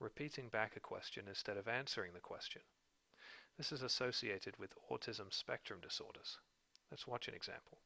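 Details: Adult male narrator; Narrator speech.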